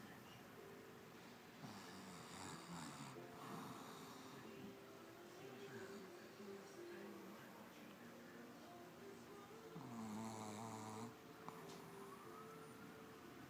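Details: Pug snoring: repeated rattling, fluttering breath noises over a steady background hum, with one louder snort-like snore.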